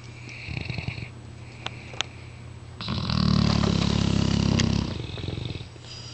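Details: One loud, long, rumbling snore on the in-breath after a few softer breaths, with steady background hum, from sleeping mastiff dogs.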